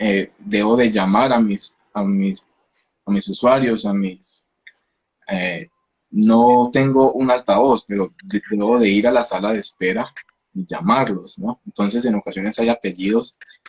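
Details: Stuttering in a 29-year-old man, himself a speech-language pathologist, with onset at age 13; he believes it was emotionally triggered around a hospitalization, with a genetic component since his father also stutters; finding: stuttering.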